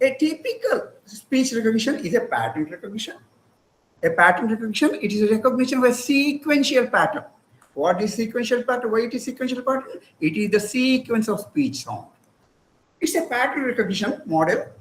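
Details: Adult speaker, lecture; ordinary speech.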